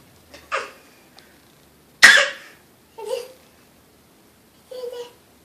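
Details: Adult man (dad): a few short explosive bursts, one sharp and loud, in a quiet room; sneezes.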